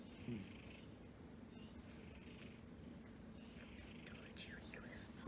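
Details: Cat named Elio snoring.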